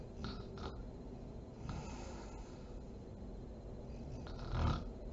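Low, rough rattling snores with each breath during sleep, over a quiet room hum; ordinary snoring.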